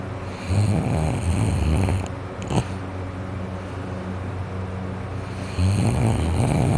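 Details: Loud, low, rattling snores with snorting breaths: sleeping adult snoring with nose and throat congested from a cold.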